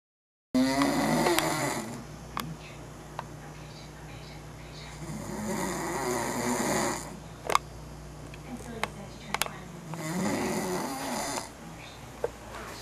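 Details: French bulldog snoring: loud, rumbling snores on three breaths, with small clicks and room noise between them.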